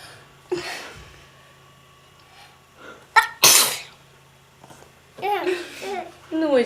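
A quick intake of breath, then one sharp, hissing sneeze from a child, followed by adult talk and laughter.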